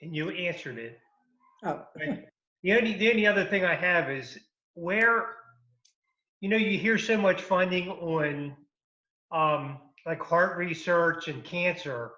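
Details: Adult woman speaking; aphasia.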